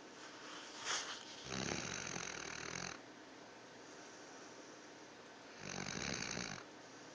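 Loud, harsh snoring breaths with a raspy, snorting quality, two main snores a few seconds apart. Snoring in a sleeping dog.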